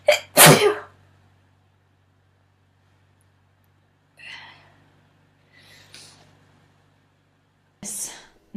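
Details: Woman sneezing, reportedly from allergies or sinus trouble: a sharp double sneeze, faint breaths, then another sneeze, three in all, with room hum; sneezing.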